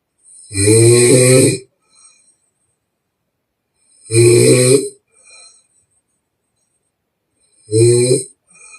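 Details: Chinese girl in deep sleep, real snoring recorded with permission, blowing through the mouth: three extremely loud, harsh, rattling inspiratory snores, each about a second long, roughly four seconds apart.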